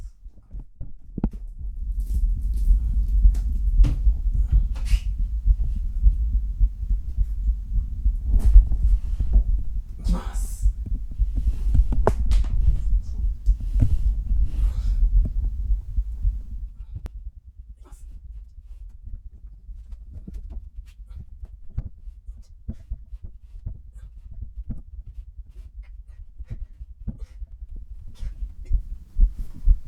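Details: Adult man's heartbeat recorded after handstand push-ups: a strong, rapid, regular beat of about 105 a minute, with heavy low thumps that soften later on; heart sounds after exertion.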